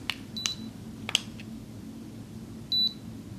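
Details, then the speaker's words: Simulated role-play bedside nurse exam of a patient with a cold: a digital thermometer gives short high electronic beeps and clicks on finishing a reading of 97.6 in a quiet room. "Okay, taking your temperature now."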